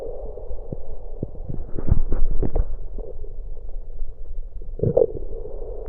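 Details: Drinking cola while recording own stomach with an electronic USB stethoscope: low gurgles, thuds and bubbling as soda is swallowed, gas rumbling and burps inside; bowel sounds (stomach gurgling).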